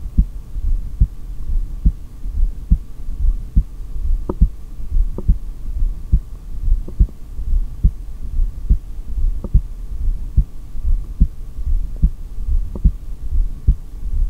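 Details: Heartbeat recorded by stethoscope during a long self-performed breath-hold, exhaled or inhaled: steady beat at about 71 a minute, no breathing sounds, low hum behind.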